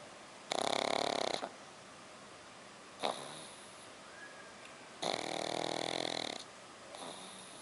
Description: Darth Vader looking Black Pug puppy laying on his back like a human, snoring louder than a human.